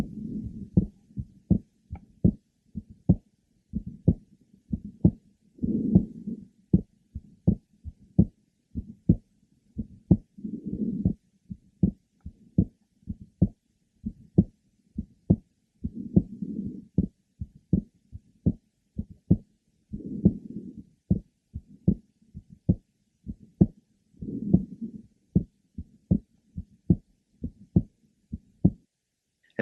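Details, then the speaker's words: Asymptomatic 17-year-old girl, third left sternal border: innocent grade 2 to 3 early-to-mid systolic murmur, second sound normally split and wider with inspiration, some sinus arrhythmia. "she was also evaluated because of the finding of a systolic merma which is typically innocent it is a grade 2 to three early to mid systolic"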